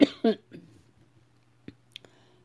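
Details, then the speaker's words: Two quick, harsh cough bursts, then faint throat sounds and clicks: a short coughing bout from a French-speaking adult who uses supplemental oxygen, saying the coughing is starting again. "oh, ça y est, maintenant je vais recommencer à tousser. Excusez-moi."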